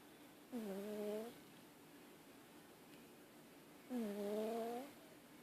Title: Cat snoring